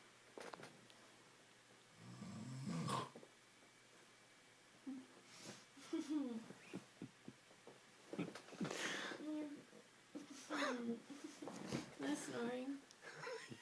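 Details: Girl snoring during sleep, a recurring occurrence, with irregular rough snoring breaths, snorts and throaty vocal sounds as she stirs and wakes herself up; snoring.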